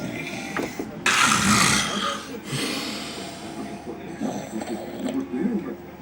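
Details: Very loud, harsh snoring with snorting, with voices and television sound in the background.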